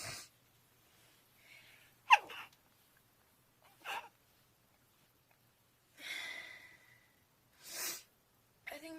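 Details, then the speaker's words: Several short, sharp sneezes and breathy gasps separated by silence, some faint and stifled, from an adult speaker who says she is not sick. "I hate when I sneeze sorry for my sneezing thing I do have some issu"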